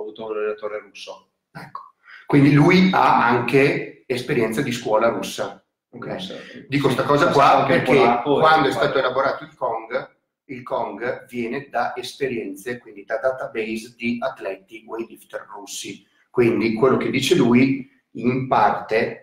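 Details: Adult male speaker; normal speech.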